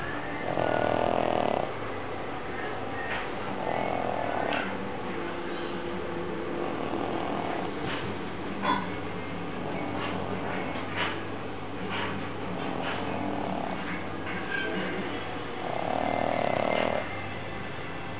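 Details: Soft snorting snores recur every few seconds over a steady low background hum from a sleeping Pug, a flat-faced dog snoring.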